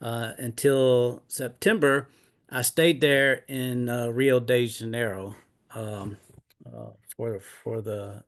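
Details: Adult man with aphasia after two mini strokes in 2016; now retired and disabled.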